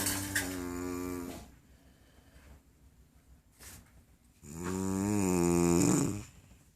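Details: Adult woman asleep: loud, long, low-pitched droning snores with a vibrating, almost mooing quality, separated by quiet pauses; ordinary snoring.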